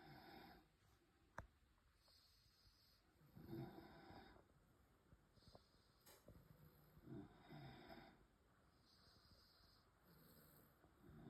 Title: Snoring competition #frenchbulldog #dog #frenchbulldogpuppy #frenchie #bulldog #funny #snoring #cute